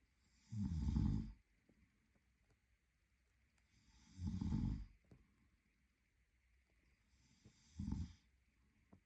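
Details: Adult male partner asleep: three loud, low, rattling snores on inhalation with quiet pauses between, about 17 a minute; ordinary sleep snoring.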